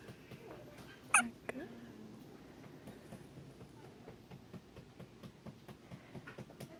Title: [7D] Hiccup nonstop! 打嗝ing